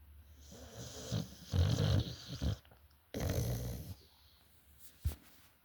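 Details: Sleeping dog snoring loudly with rough, rattling snores and snorting breaths between them.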